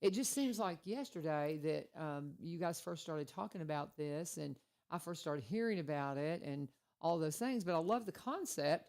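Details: Adult speaker; normal voice.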